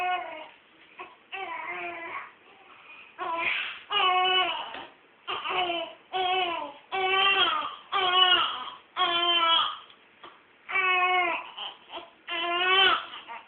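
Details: Newborn crying soon after birth, with a doctor and room transfer mentioned: repeated rhythmic wails, each about a second long with brief breaths between, in a small room.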